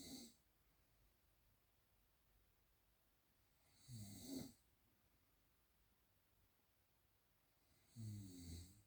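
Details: Three slow snoring breaths of a sleeper, each a rough, fluttering rattle on breathing in, about 14 a minute, with quiet pauses between them.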